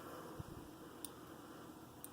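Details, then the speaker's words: Insulin pod, likely placed on a child's belly, inserting its cannula when Start is pressed and beginning basal delivery: faint soft clicking ticks over a steady room hum. "now it says press Start to insert the cannula and begin basil delivery"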